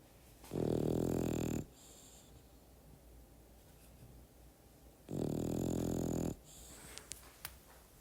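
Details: Two loud, rattling snores about four to five seconds apart with quiet breathing between, from a sleeping French bulldog, mixed into an ambient soundtrack.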